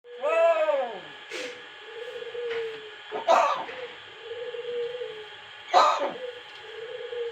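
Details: A bird's whistled calls broken by about three short, harsh cough-like bursts; a talking myna imitating a cough.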